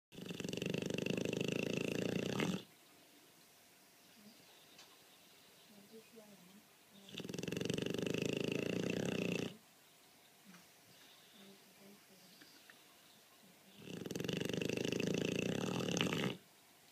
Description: Roxy snoring 1year old Dogue de Bordeaux.